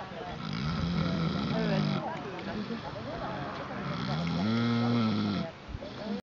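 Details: Pig snoring while napping: loud rattling, grunting snores with uneven breaths and some background noise.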